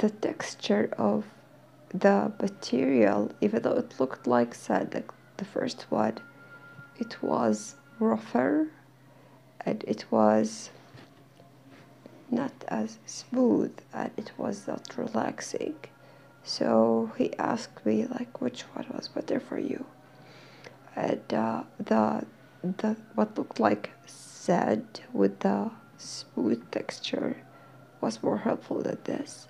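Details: Dysphonia in a woman who is slowly regaining her voice while attending occupational therapy. She says she is hard to understand.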